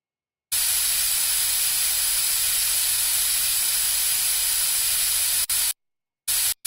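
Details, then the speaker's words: Braces placement with a lip guard in place. Teeth are sprayed with water and then suctioned, giving a steady loud hiss that cuts off briefly near the end. Dental suction. "let's rinse off the teeth can you spray them with water I run the suction to remove the water"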